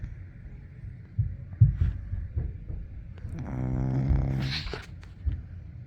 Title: Puppy snores while sleeping, then stretches -golden retriever